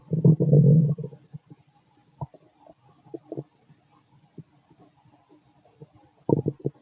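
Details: Fit adult male's abdomen after a bowel movement: low gurgling and rumbling, a loud burst then scattered short gurgles, ordinary bowel sounds (borborygmi).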